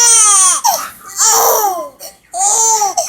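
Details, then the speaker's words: Young girl crying after her father scared her to stop hiccups, which a parent calls fake crying: loud, high-pitched wails in three bursts with short gasping breaths between. "you know you can say anything to me because I know you fake crying oh you're okay"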